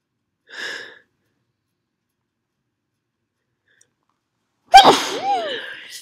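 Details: Perfume-induced sneeze after a big buildup: a soft breathy intake, a pause, then one explosive sneeze with a voiced cry trailing off; forceful sneeze from nasal irritation.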